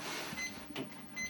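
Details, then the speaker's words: ECG machine printing the tracing of a 25-year-old male runner having an ambulance electrocardiogram screen for sudden cardiac death risk: steady mechanical whirring with faint high tones; result read as normal sinus rhythm. "So when Ivor offered me the chance to have an electrocardiogram or an ECG myself, I couldn't refuse."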